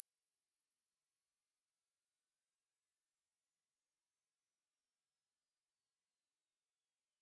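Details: A single very high, steady pure tone slowly rising in pitch, played as a hearing-test tone sweep.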